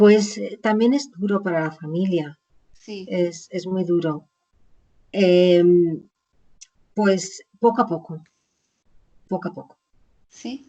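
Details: Aphasia in an adult woman, caused by a stroke about 20 years earlier; chronic post-stroke aphasia.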